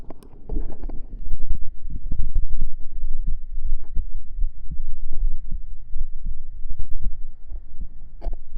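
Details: A real heartbeat recorded up close on the chest with binaural microphones during a girlfriend ASMR roleplay, heard as soft, deep, low thumps with some rustling; an ordinary heartbeat.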